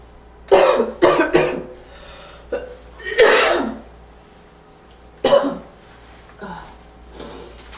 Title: Slight wheezy barking cough